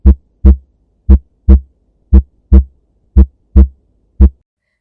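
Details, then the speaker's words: Normal heart sounds S1 and S2: regular low lub-dub at about 60 beats a minute, auscultated over tricuspid and mitral areas (4th–5th intercostal space, left midclavicular line) with stethoscope diaphragm and bell. "The two major sounds heard in the normal heart sound in the auscultation is like lob, dub."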